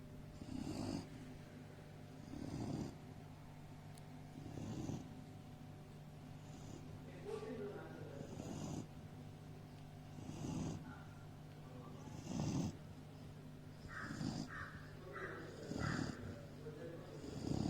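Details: Sleeping Doberman: regular low, rumbling snores about every two seconds, roughly 30 a minute, over a steady background hum; snoring.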